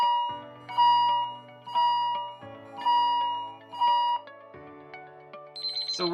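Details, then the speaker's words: Hospital patient monitor tracking heartbeat or respiratory rate: regular bright electronic beeps about once a second. "that is the sound of a monitor which identifies the heartbeat of or respiratory rate of the patient"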